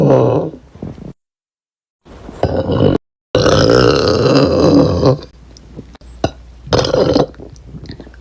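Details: Several loud, deep, drawn-out burps from a girl with short gaps between them; repeated belching.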